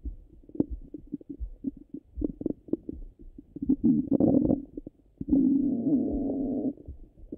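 Low gurgles, bubbling and longer rumbling growls from the abdomen through a stethoscope: ordinary bowel sounds of digestion.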